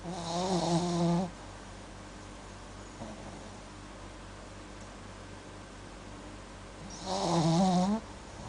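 Two loud, rough, buzzing snores about six seconds apart, with quiet breathing between; snoring in a sleeping dog.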